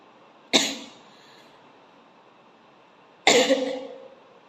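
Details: Two sharp, separate explosive bursts about three seconds apart, coughs or forceful sneezes, during a sneezing challenge using coir fibre and grass to provoke sneezes.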